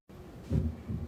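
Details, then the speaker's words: Normal heart sounds from a heart-sound simulator mannequin used in physician assistant training, heard with a stethoscope at the mitral area: low, soft heartbeat thumps. "so right now you're listening to essentially a normal heart it kind of sounds like that if you can hear it in the background"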